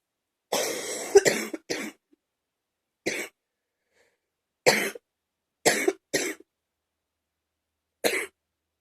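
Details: An adult's cough: a series of about eight deep, forceful coughs, some in quick pairs, in a quiet room.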